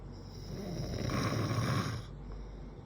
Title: snoring man 👨 😂